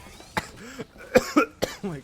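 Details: Harsh, throaty coughs with voiced groaning between them from an adult with a sore, strained throat after screaming at a party, around midnight, feeling sick; cough.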